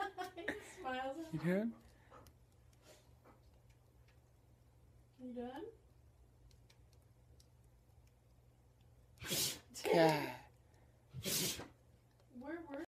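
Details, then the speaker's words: Dog sneezing, apparently with something up his nose: about three sharp, explosive nasal bursts in quick succession with voiced sounds between, in a small room. "got something up your nose. Something in his nose. Poor guy."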